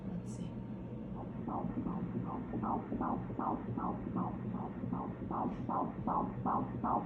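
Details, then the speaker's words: Fetal heartbeat on Doppler in an IVF pregnancy: fast, regular whooshing pulses at about 158 per minute. "that was actually really emotional too it was just really cool i don't know just another little step hearing the heartbeat is just like oh my gosh like it just like every step of the way it gets more and more and more real"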